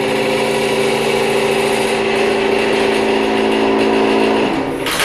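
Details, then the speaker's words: Loud steady mechanical hum and rumble of a running vacuum pump and air compressor in a new dental office's mechanical room, metered around 85–86 dB outside the open door, with a low drone that stops near the end: dental vacuum pump and compressor noise. "so let's go ahead and turn on the air compressor air compressor will come on here in a minute probably need to let some air out of the system because they have been testing it all day there's a vacuum pump"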